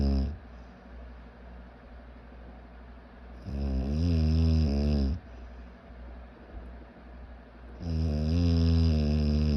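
Loud, rumbling snores on each breath in, with quieter breaths out between them, at about 14 breaths a minute.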